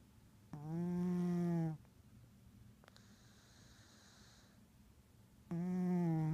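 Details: Orange tabby cat snoring in sleep: two loud, tonal, buzzing snores on the in-breath, separated by a quiet breath out; ordinary snoring.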